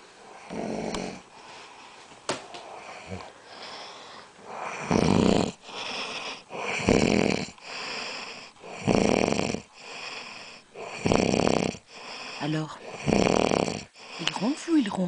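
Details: Sleeping man recorded snoring at 3:38 at night: repeated rattling snores, some with a whistling edge, about six in fifteen seconds with softer breaths between, in a quiet room; snoring.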